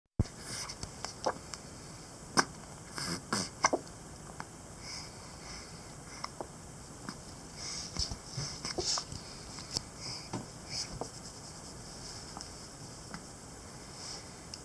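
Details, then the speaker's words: Baby girl's hiccups, a recurring problem for her while awake: short, sharp, catching sounds at uneven intervals in a quiet room, a common harmless reflex. "Why do you get hiccups so much? I was just recording her for random video footage. She has hiccups again."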